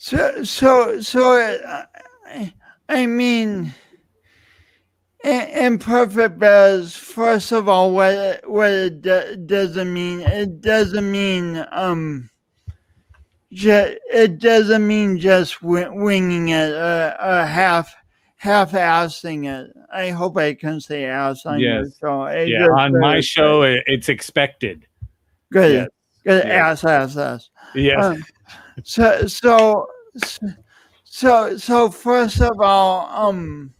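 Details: Adult male speaker; speech impediment (stuttering-like disfluency).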